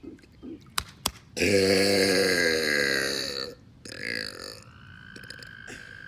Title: Pool Burps